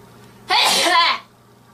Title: Cute Girl Sneezing 39